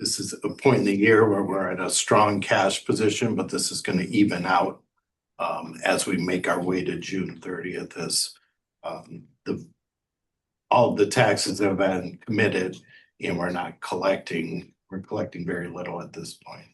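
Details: Adult male speaker; ordinary speech.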